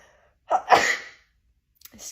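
A single sneeze: a short intake, then a sharp explosive burst of air, in a quiet room.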